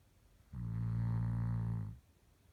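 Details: A single low, steady rumbling snore lasting about a second and a half in a quiet room; snoring.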